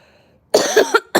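A quiet pause, then a short burst of coughing and throat clearing from an adult.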